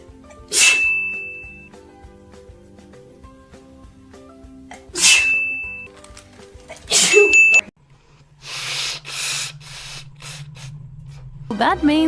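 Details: Allergic sneezing from a hay fever sufferer: three sharp sneezes, each with a brief tone after it, then two noisy nose blows.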